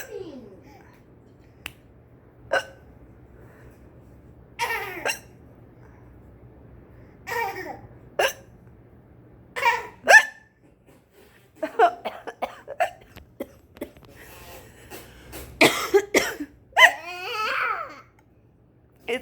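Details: Baby's hiccups: short, sharp hiccups recurring every few seconds, mixed with babbling and giggles in a quiet room; ordinary infant hiccups.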